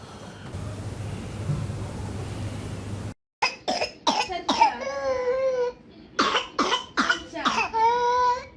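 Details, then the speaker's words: Paroxysmal whooping-like cough, described as having an inspiratory whoop: a rapid run of about eight harsh coughs with high-pitched drawn-in breaths between. "what sort of cff is this you were asking about the cough H this is inspiratory wo right inspiratory woof that is inspiratory woof"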